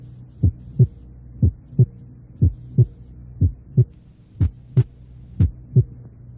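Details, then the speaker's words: Normal heart sounds heard at the second left intercostal space, regular at about 61 beats a minute; S2 is single with no splitting, and crisper and higher-pitched than S1. "escuché unos ruidos cardíacos en el segundo espacio intercostal izquierdo en primer lugar sin desdoblamiento del segundo ruido"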